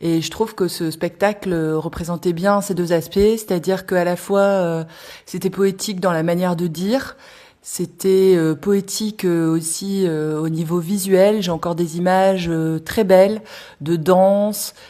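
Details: Adult woman speaking French; fluent speech.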